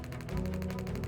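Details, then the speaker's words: Rapid, regular mechanical tapping pulses with a low thudding hum from a radial shockwave (pressure wave) device worked along the rotator cuff muscle under tension, treating shoulder scar tissue/adhesions in clinic; radial shockwave therapy device. "So, as I turn this on, the scar tissue is on tension here. We're just going to work through the whole length of that muscle. And what we're doing is putting hyper-concentrated sound waves in here"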